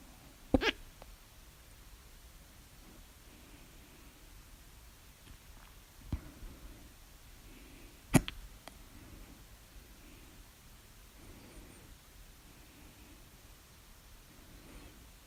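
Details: Hiccups at 3 a.m., which the person attributes to overeating at dinner, recorded with mouth alternately closed and open (the loudest hiccups come with the mouth open): three sudden, sharp, click-like gulps over about fifteen seconds in a quiet room.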